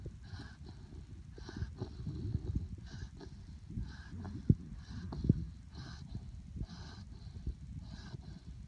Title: Ladybird snoring